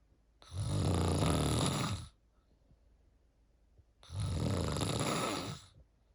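Two long, harsh, rattling snores with quiet gaps between, each lasting over a second; loud snoring in a quiet room.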